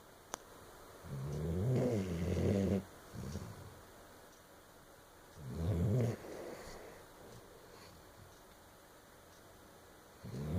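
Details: Snoring during sleep: two loud, low rattling snores on the in-breath with quiet pauses between.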